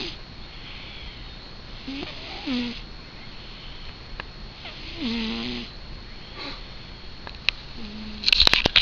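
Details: Light snoring in Jupiter, a sleeping cat: soft breaths with faint nasal whistling tones on several breaths, about three cycles.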